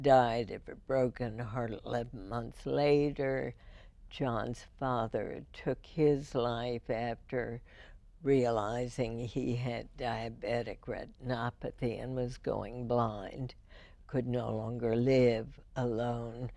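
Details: Woman, a longtime radio host, with spasmodic dysphonia first diagnosed in 1998, treated every four months with botulinum toxin injections into the vocal cords; spasmodic dysphonia.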